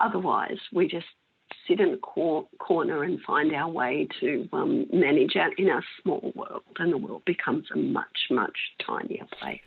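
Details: Adult female with spasmodic dysphonia of mixed adductor and abductor type for 16 years, treated with Botox injections into the larynx that stop some of the spasms; she says her voice may go in and out a little.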